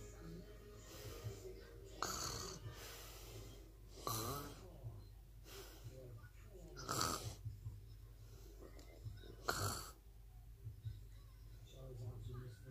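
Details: Snoring: repeated harsh, rattling snores at about 23 per minute in a slightly uneven rhythm, with faint background music.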